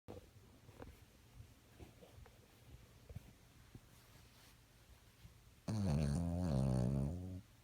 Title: Dog do snore